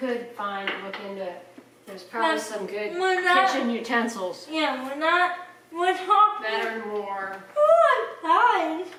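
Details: Young speaker indoors; speech.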